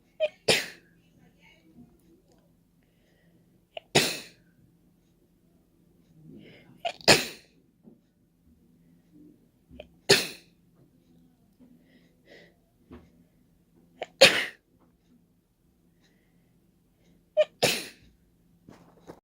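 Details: Deliberate open, wet sneezes into the open air without a tissue, nose-blowing held back: six sharp, forceful sneezes a few seconds apart, some preceded by a quick breath in, in a quiet room. Sneezing.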